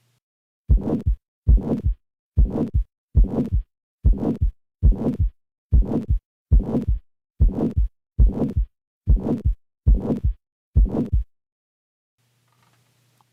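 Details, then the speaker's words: Harsh heart murmur from a high pressure gradient with large flow, producing high and low tones together: regular heartbeat with a loud, rough murmur filling each beat. "this will create a subjectively serious sounding murmur which is frequently termed harsh"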